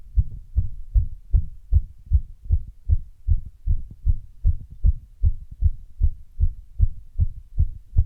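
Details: Heart sounds recorded after running: fast, strong heartbeat about 150 a minute with a brief stretch of irregular beats, arrhythmia appearing partway through; rapid heartbeat after exercise with intermittent arrhythmia.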